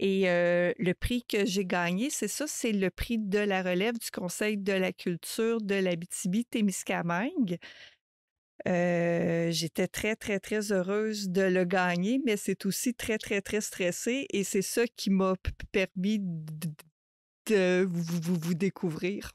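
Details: Adult woman who stutters, mother of two teenagers, in French podcast conversation; word and phrase repetitions; stuttering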